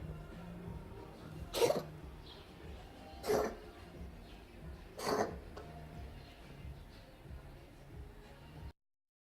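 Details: Three short, dry, hacking bursts a couple of seconds apart over soft background music, example of a cat coughing presented by a feline medicine veterinary clinic; cat cough.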